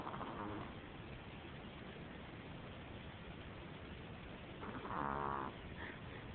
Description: Sister's chihuahua snoring as she sleeps.